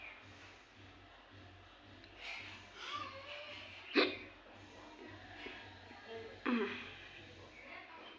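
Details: Hiccups in a woman: two abrupt, sharp hiccups a few seconds apart, each a sudden catch with a brief voiced squeak, over faint breathing and a low background hum.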